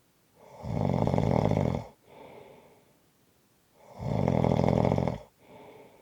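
Loud, rough snores on each breath in, with a softer breath out between, roughly 15 breaths a minute.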